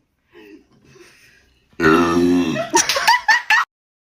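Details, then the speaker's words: Deliberate burping by a woman who explains that she sucks in air. Soft preceding sounds, then a long, loud, croaking belch breaking into a few shorter bursts. "so I'm going to try to show you how like I do the burp so I start with like sucking in air"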